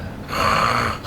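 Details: Single harsh, rattling snore-like, gurgling breath from a simulated post-hernia-surgery recovery patient with vomit in the mouth. It persists despite chin lift after the oropharyngeal airway is coughed out, before a nasopharyngeal airway is tried: partial upper airway obstruction.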